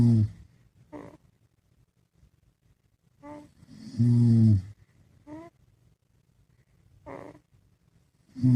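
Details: Father and baby snoring together during sleep: deep, loud adult snores alternating with softer, higher-pitched infant snorts in a quiet room.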